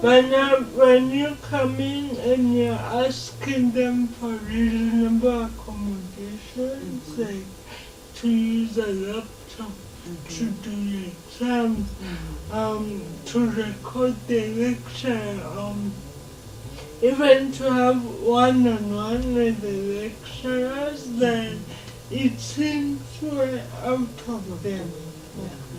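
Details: Dysarthria in a 27-year-old woman with lifelong cerebral palsy; she can speak but is given extra time to talk, in a real TV interview.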